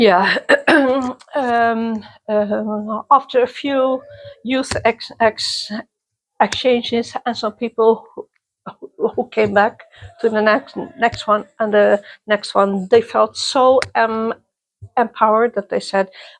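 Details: Self-identified person who stutters, interviewed at a youth exchange for people who stutter or clutter; stuttering.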